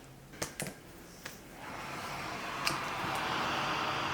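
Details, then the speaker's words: CPAP machine used for sleep breathing trouble by a heavily bulked adult strength athlete: a few handling clicks, then a steady rising hiss of forced air; CPAP airflow. "that's air that's that's that's gains you hear that that's gains that's oxygen being forced into my body by a machine okay"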